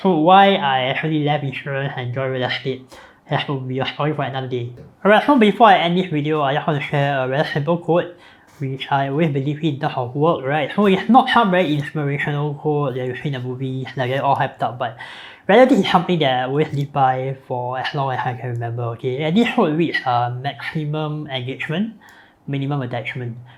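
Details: Adult man born with a cleft (hole between nose and mouth), palate repaired, numerous facial surgeries from age 13, speech impediment since childhood; cleft palate speech.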